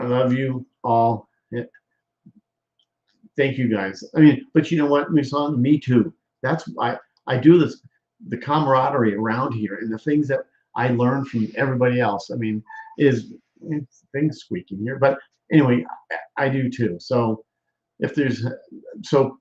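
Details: Aphasia with word-finding difficulty in a male stroke survivor.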